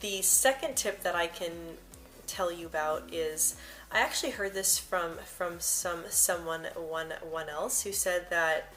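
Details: Stuttering in an adult woman who stutters, with frequent word and part-word repetitions; she also reports blocks.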